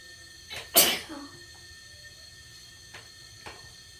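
A short indrawn breath, then one sharp loud sneeze, followed by quiet room sounds.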